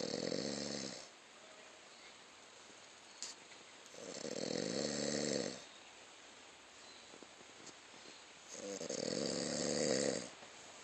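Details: Man sleeping outdoors while camping, a baby squirrel playing on him: three loud, rattling snores about four seconds apart, roughly 15 breaths a minute, quiet exhalations between; ordinary snoring.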